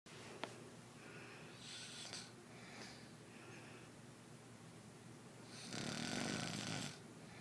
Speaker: What are you doing? Why you snore so loud?